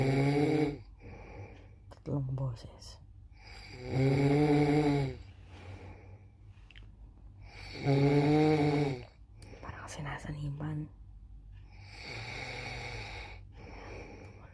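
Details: Three voices taking turns doing deliberate snoring imitations for fun: loud, strongly voiced rattling on inhalation with quieter breaths between, about 15 a minute; simulated snoring.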